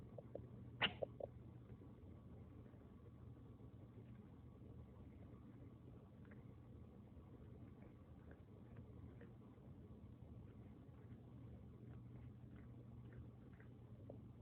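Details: Cat coughing after being sick for 7 days: a short cluster of soft hacking coughs, then quiet with steady low background hum.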